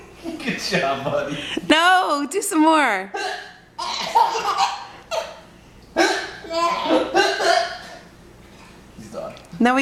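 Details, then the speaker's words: Baby with hiccups while laughing: sudden short voiced hiccup gasps mixed with laughter and talk. "He's laughing because he's got the hiccups too."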